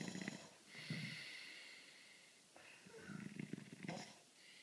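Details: Loud, rough snoring during sleep, with rattling low sounds on breathing and noisy airflow between.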